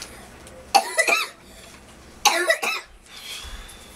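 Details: Two short bouts of coughing, two to three coughs each, over quiet room noise while a children's story is read aloud.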